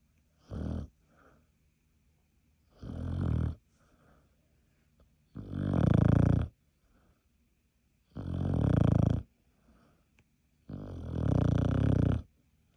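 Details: Sleeping beagle: deep rumbling snores, five in about 13 seconds, each with a soft exhale between; snoring.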